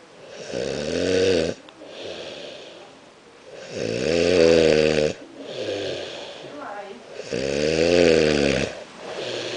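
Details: Adult man snoring: loud buzzing, tonal snores with each breath, about three in ten seconds, with softer rattling out-breaths between.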